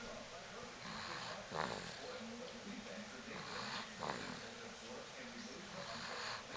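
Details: Noisy, rasping breaths repeat every two to three seconds over room noise and sound like snoring, though the owner thinks it is probably just a little congestion; snoring.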